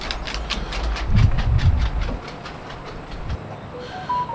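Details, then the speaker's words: Electronic blood pressure monitor on an adult: small pump whirs rhythmically, inflating the cuff to occlude the artery, up to about 200, ending with brief beeps; reading 141/59; blood pressure monitor cuff inflation. "So there's a small pump here, pumping in atmospheric air and filling up that cuff to close the artery off, and then it's sensing. So you can hear the little pump going."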